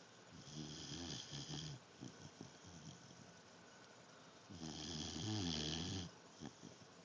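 Two long, rattling, low snores with a faint whistle, separated by quieter snuffling breaths. Snoring.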